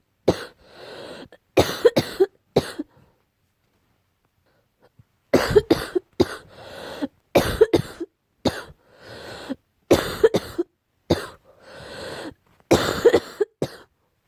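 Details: An adult with cat allergy: repeated bouts of harsh, barking coughs with noisy in-breaths between bouts; allergic barking cough.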